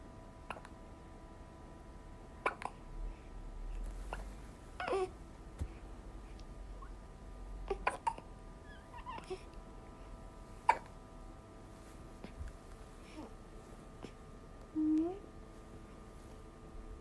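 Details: A 20-day-old infant with hiccups after drinking milk, possibly too much milk: soft, brief catches repeat irregularly over quiet room noise, with a small vocal sound near the end.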